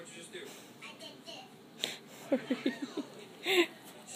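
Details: Hiccups during sleep, age given as 3-4 weeks: short, abrupt vocal catches repeating in quick succession against quiet room noise.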